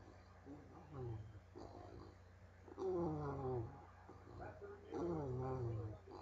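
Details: A bulldog, resting comfortably, snores with loud, rattling, tonal snores repeating about every two seconds over a low background hum: snoring.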